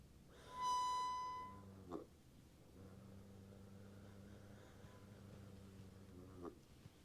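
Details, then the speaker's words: Adult demonstrating metered-dose inhaler use with a valved holding chamber: during a slow inhalation, a brief harmonica-like whistle, then quieter breathing; the chamber's flow-too-fast whistle means inspiratory flow is too fast and should not be heard. "Now, you probably heard something interesting in there that I triggered when we did that. And what that was, if you heard the harmonica sound, let me do it again. You hear harmonica sound, you should not hear the harmonica sound."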